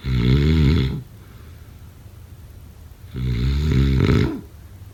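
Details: Snoring.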